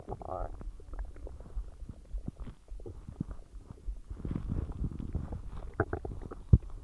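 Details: Low gurgling and rumbling with irregular bubbling pops from the belly while a huge meal digests; digestive bowel sounds (borborygmi).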